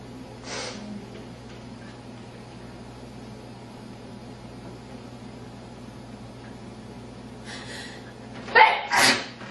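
Quiet room with faint hiss, ending in a loud two-part sneeze.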